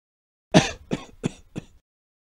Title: Human Sound | Man Coughing Hard